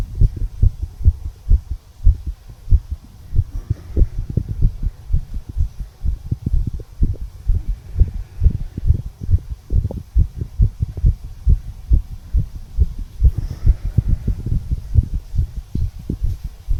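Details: Heartbeat of a 34-year-old male recorded at the tricuspid valve area, heartbeat visible: steady, regular low thumps of heart sounds.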